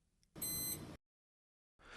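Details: A brief electronic chirp from a Spirit hospital bed, confirming that the bed exit alarm is set.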